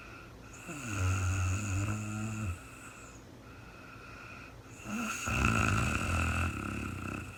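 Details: Adult woman recorded in real time during overnight sleep after being very tired: two loud, low, rattling snores on breathing in, with a quieter breath between them; snoring.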